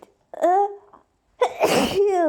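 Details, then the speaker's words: Voiced in-breath build-up, then one loud explosive sneeze and a drawn-out vocal release, from a person with a tingling nose and several days of severe hay fever. "oh oh my nose really tingles today oh this is so loud uh these last few days my hay fever has been insane like i've seen it's a bit a bit crazy"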